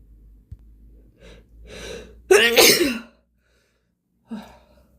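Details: Heavy breathing building up, then one loud, very wet explosive sneeze with a voiced moan and a short breath after.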